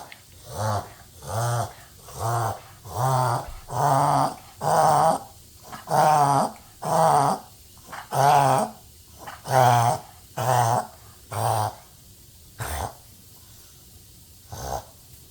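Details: Dog reverse sneezing: a run of loud, honking, snorting inward breaths, about one a second.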